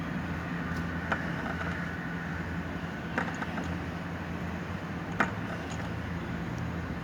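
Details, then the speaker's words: Homemade piston motor-driven mechanical ventilator built from workshop parts, run while the builder breathes through it via a bottle and pipe; oxygen saturation reportedly rose from 95-96 to 99: steady motor hum with faint click about every two seconds. "अभी मैं इस मशीन के साथ भी चलाऊंगा और इसके साथ मैं 2 मिनट, 3 मिनट, 5 मिनट सांस लूँगा और फिर ये वेवफॉर्म भी आपसे शेयर करूँगा कि ये कैसा काम कर रही है।"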